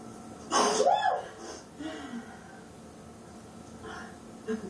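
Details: Woman's dramatic sneeze during a sneezing attack: one loud, voiced, exaggerated sneeze with a sharp burst, then quiet breathing and a faint later sound; sneezing.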